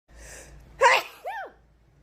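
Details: Person sneezes near a cat that dislikes it: a single sharp sneeze after a short breathy intake, followed by a brief high meow from the cat.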